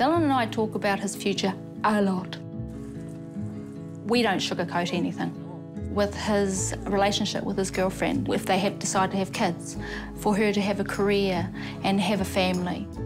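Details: Adult woman speaking, background music; ordinary speech.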